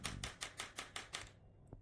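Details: ShockPhysio Basic SW3200 radial shockwave therapy device demonstration: seven sharp, evenly spaced clacks about five a second, then silence, a short run of pulses.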